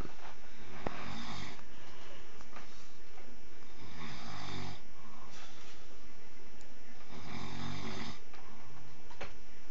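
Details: Husband sleeping: deep, heavy, rumbling snores in slow cycles of about three seconds on a noisy, distorted recording, before he is woken by a shout that there is a fire.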